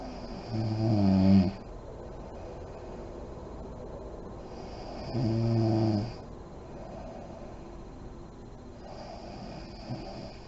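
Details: Adult woman snoring in deep REM sleep, lights on: low rattling snores on some breaths, about two in ten seconds, with deep quiet breathing between and soft lip blowing.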